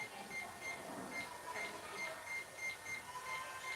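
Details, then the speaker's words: Simulator monitor in an emergency-medicine arrhythmia workshop: rapid beeps at uneven, unpredictable intervals, heart rate 150 per minute, completely irregular rhythm; atrial fibrillation. "escuchan es regular es completamente irregular qué significa eso nos lleva a un ritmo si lleva frecuencia la frecuencia cardíaca estás viendo que finalmente está de 150 por minuto pero el ritmo no es regular y tiende a ser completamente irregular"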